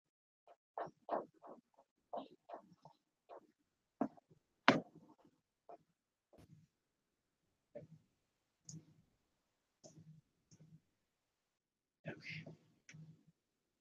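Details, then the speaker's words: Needle EMG: brief crisp clicks and pops firing in an irregular pattern, speeding up after the needle is moved; spontaneous fibrillation potentials. "y and so here this is the fibrillation this is actually one like I said and now you can hear the irregular nature you hear how it's not necessarily don't hear"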